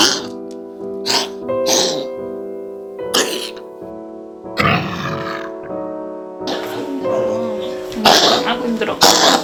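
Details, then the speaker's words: Dog with a two-month history of endless coughing, feared to be whooping cough, but found to have nothing wrong: repeated short, harsh hacking coughs over background music; a put-on, faked cough. "dua bulan batuk Orang-orang memberi tahu saya bahwa anjing itu akan segera mati Apakah itu batuk rejan?"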